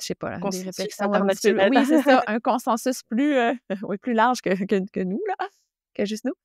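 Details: Adult woman who stutters, herself a speech-language pathologist, speaking French. Stuttering.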